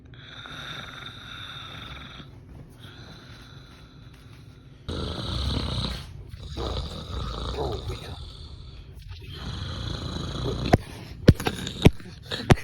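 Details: A friend snoring loudly: repeated low, rumbling snores with some snorting over background noise, and sharp clicks near the end.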